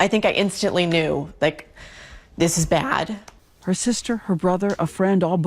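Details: Adult woman; normal speech.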